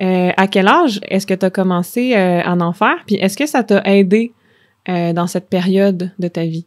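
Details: Stuttering in an adult woman who stutters.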